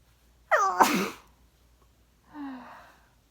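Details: Person with a cold sneezing: a single sharp, explosive sneeze followed by a soft sighing breath; an ordinary sneeze.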